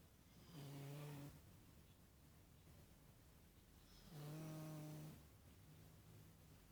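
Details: Snoring: two long, low, buzzing snores on inhalation with quiet breathing between.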